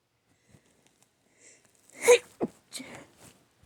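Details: Sneeze: a single sharp, voiced sneeze after a faint intake of breath, followed by a few softer after-sounds.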